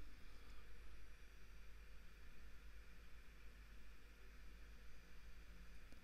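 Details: Endoscopic ear microsuction removing old, thick, sticky, deeply impacted ear wax that is jammed and hard to dislodge: a steady, low, roaring suction hiss throughout.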